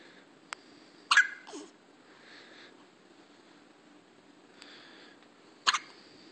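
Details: Newborn baby in a quiet room with a few sharp, sudden catches of breath: typical, harmless infant hiccups.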